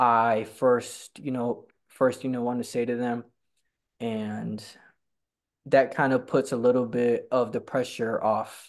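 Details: Stuttering in a man who stutters and attends stuttering support group meetings.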